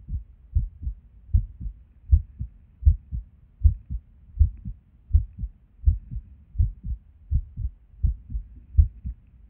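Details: Irregular resting heartbeat with skipped beats, recorded at Erb's point while sitting at a desk; soft low heart sounds around 80 a minute with uneven spacing and occasional pauses.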